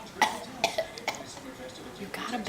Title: Bad Cough Mobile